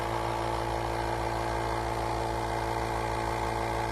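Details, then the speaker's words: Nebulizer compressor running alone with nothing attached, warming up for two to three minutes before use in cool temperatures around 50–60 degrees; steady low mechanical hum and buzz. "you're gonna let that run like that for maybe two three minutes just by itself this gives the machine an opportunity to kind of get things warmed up before you're actually trying to put it into use"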